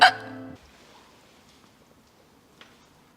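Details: Acted hiccup in a Korean TV drama scene: a woman gazing at a sleeping prince gives a single sharp, voiced hiccup, then near silence.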